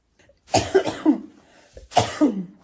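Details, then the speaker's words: Ill woman coughing while packing clothes, mentions sleepless night: two bouts of harsh coughing, three coughs then two, indoors; repeated illness cough. "Ixi, Maria. Tossindo nas roupas dos outros."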